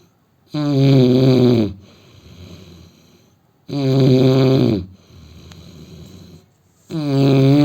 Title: Indian man snoring 😹